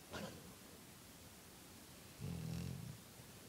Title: My dog snores like a cartoon character